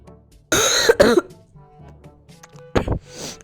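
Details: An adult with a mild cough gives a few harsh, noisy coughs in short bursts over soft background music.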